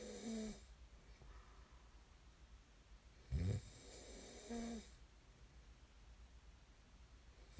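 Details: Two loud, low, rattling snores on breathing in, separated by quiet breathing, over a faint steady room hum; snoring recorded as snoring ASMR.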